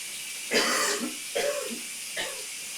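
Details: Coughing in a steamy shower: three wet, rattly coughs over running shower water; a productive cough clearing mucus.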